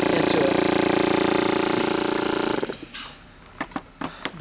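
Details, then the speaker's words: Loud, steady, rapidly pulsing motor drone from an oral suction machine turned up to maximum suction, cutting off after a few seconds into handling clicks; suction machine running. "if i want more suction i turn that knob and it's going to increase that suction right now that's maximum such and it's pulling that's going to pull pretty hard"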